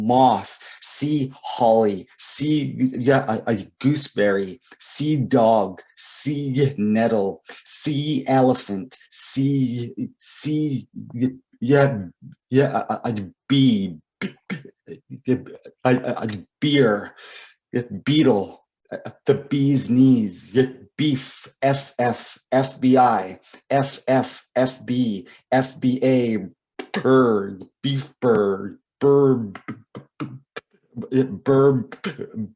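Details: Adult male poet and author who describes himself as a person who stutters, speaking with repeated words and fillers; stuttering.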